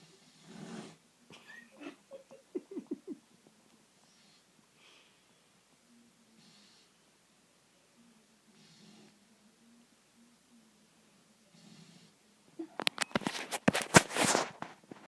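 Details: 12-week-old black Labrador puppy sleeping upside down in his crate, snoring: soft whistling, snuffly sleep breaths with small snorts, ending in a burst of louder snorting.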